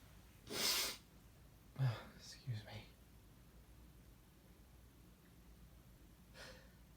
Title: Kinda lonely sneezes